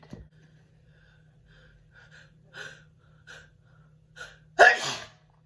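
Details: A personalized-request sneezing recording: a few quick breathy inhalations build up, then one loud, forceful sneeze.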